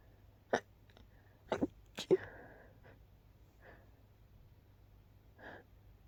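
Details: Person woken by repeated sneezing at night: several short, muffled sneezes held back with a closed mouth, small catching breaths between, in a quiet room; stifled sneezes.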